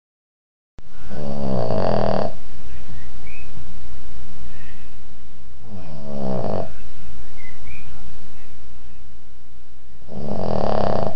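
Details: Loud, rattling snores on each breath in, about 13 per minute, recorded close and slightly distorted; ordinary snoring.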